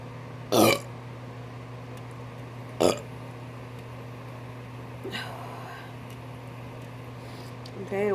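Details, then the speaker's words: A woman burping on request: two loud, deliberate belches a couple of seconds apart, then a softer third, against a steady background hum. "there you have it video my request me burping"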